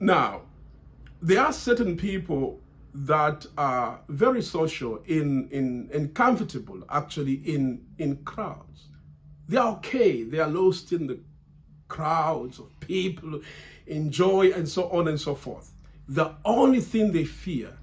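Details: Adult man who has stammered since childhood, largely overcome through reciting and memorizing lines from grade five, still stammering under stress and feeling under pressure here; word and part-word repetitions; stammering (stuttering).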